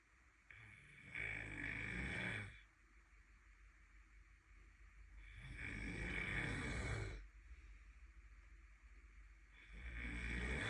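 Loud, rough, rattling snores with each breath, roughly every four to five seconds, with quieter gaps between; heavy snoring.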